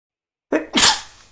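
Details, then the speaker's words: Adult man sneezing while playing a video game; sneeze. "que je suis en train d'éternuer c'est génial heureusement que ça n'écoute pas"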